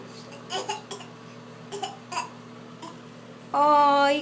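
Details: A young child with a bad cough gives several short, harsh coughs, then a brief crying vocalization, over a steady background hum.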